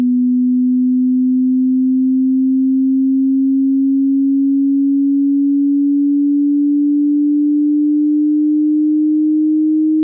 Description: Hearing Test Online. TEST how good your Hearing is, and compare with your friends.